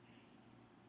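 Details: Vocal tic in a 17-year-old female with Tourette syndrome; her tics worsen with stress, and she reports being nervous and ticking while recording.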